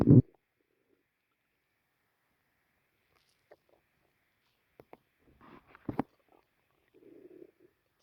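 Quiet gurgles, squelches and a low rumble from the belly after a thump; ordinary stomach growling from gut movement.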